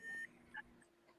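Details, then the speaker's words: Two brief high electronic tones with faint room noise: an implanted intrathecal pump alarm. The patient says the pump was due for replacement about a year ago and has not been refilled. "Yeah. That's a damn intrathecal pump alarm. And I was told I needed replaced like a year ago."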